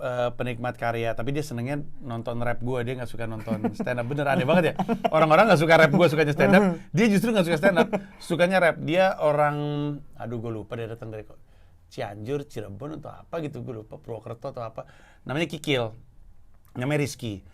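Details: Adult man speaking Indonesian; typical speech.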